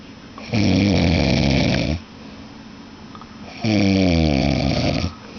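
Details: Sleeping man snoring: two loud, rumbling snores on breaths in, each over a second, with quiet breathing between; snoring.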